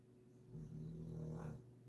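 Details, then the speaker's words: A single low, rumbling snore from a sleeping dog out of shot, over quiet room noise. "luckily she doesn't watch my video and he's out of a shot and the dog don't care as you can hear cuz he's snoring at the"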